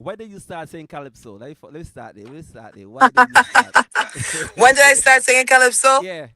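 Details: Adult man and adult woman in conversation; ordinary conversational speech.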